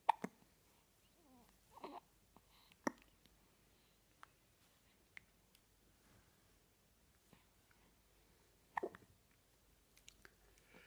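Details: A 4-day-old newborn girl hiccuping; several short, sharp, gulping hiccups spaced unevenly in a quiet room.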